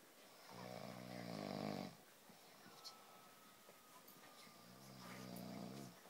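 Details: Snoring during sleep: two long, rough breathing noises separated by a quiet pause.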